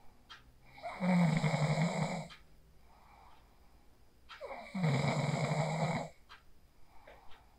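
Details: Phone recording of a person asleep after practicing the 4-7-8 breathing technique: two loud, rattling snores on the in-breath, each followed by a quieter out-breath; ordinary sleep snoring.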